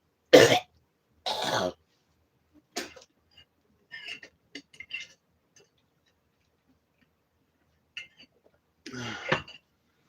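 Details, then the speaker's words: Adult speaker during a livestream gives two sharp coughs, a few quiet throat noises, then a harsh throat clear near the end; cough with throat clearing. ">> I sound like [ __ ] Gollum sometimes."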